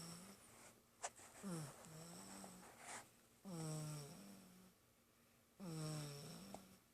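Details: Sleeping baby: soft, noisy breathing with low buzzy snore sounds on some breaths, in a quiet room; infant snoring.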